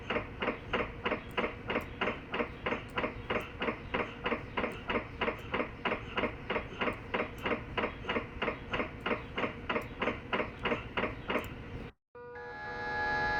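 Loud, steady rhythmic knocking at about 188 per minute from an MRI scanner, stopping near the end with a brief electronic tone.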